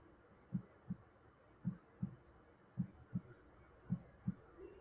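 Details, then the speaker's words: A heart sound added to a children's lesson on body organs plays steady paired low lub-dub thumps at about 54 beats a minute: normal heart sounds. "Heart pump करता है, यानी पिचकता और फूलता रहता है। और जब ये पंप करता है ना, तो इससे लब डब की आवाज आती है।"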